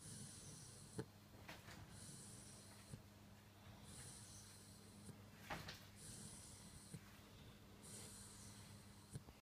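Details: 10-week-old Dogue de Bordeaux puppy asleep on a bed: soft, regular snoring breaths about one every two seconds with light snorts over steady room hum; snoring.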